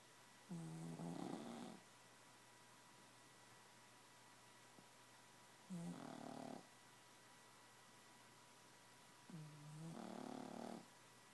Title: snoring pug